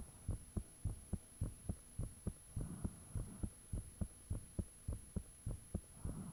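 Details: Own heartbeat recorded with the fan off, shortly after the heart began feeling thumpy: loud, clear thumping at about 100 beats a minute, steady rhythm with faint whooshing between beats; the recorder believes blood-rushing sounds are audible.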